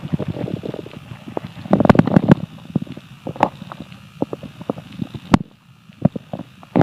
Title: Hungry Empty Stomach Rumbling Part 3 (22/10/2015)